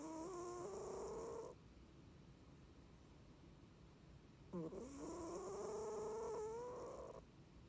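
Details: Long, rising, whistling snores with a buzzy edge, two in about eight seconds, from a sleeping cat that has snored since kittenhood: loud snoring.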